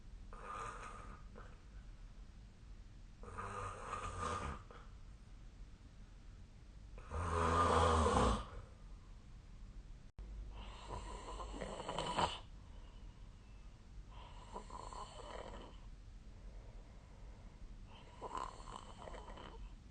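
Loud, rough snores with breathing bursts about every three to four seconds in a quiet room; ordinary sleep snoring.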